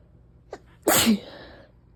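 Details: Person with repeated sneezes that won't stop, wanting to sleep, complaining of gunk everywhere afterwards: a short catch of breath, then a single sharp, forceful sneeze.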